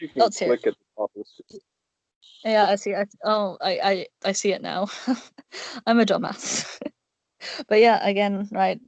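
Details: Male speaker who describes himself as having an awful stutter; stuttering.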